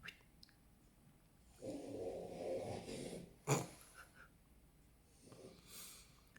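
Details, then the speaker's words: A bulldog snoring in a quiet room: low, rough, rattling breath noises with a brief snort. "Tu l'entends ronfler, la pétasse, là? Ça y est, Lilo."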